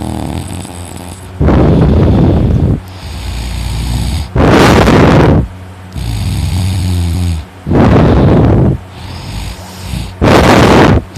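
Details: Brother heavily snoring asleep in the morning, audible from another room: loud, harsh rattling snores alternating with quieter breaths, about 20 breaths a minute.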